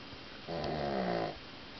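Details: A single buzzing, rattling breath lasting under a second; snoring.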